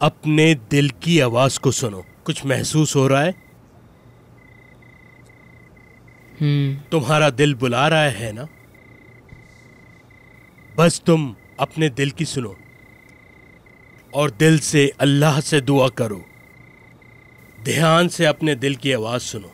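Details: Adult male voice actor, animated drama; typical speech.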